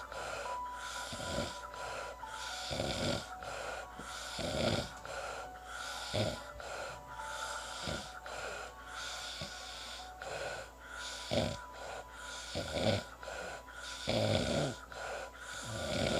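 Irregular snoring with snorting breaths, roughly 20 cycles a minute, over a constant background hum.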